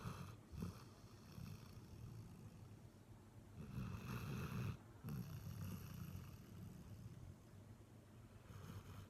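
Continuous low, rumbling, snorting breath noise rising and falling with each breath; a dog snoring.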